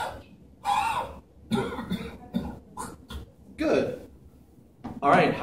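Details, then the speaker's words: Role-played patient with lung secretions doing forceful open-throat huffs and coughs after chest percussion and vibration in postural drainage; reports secretions came out. "that feel do you feel like some stuff's got out of there oh yeah for sure perfect"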